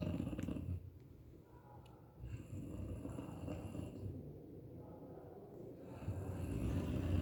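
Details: Snoring: deep, rumbling snores with a snorting, piglike quality, repeating throughout.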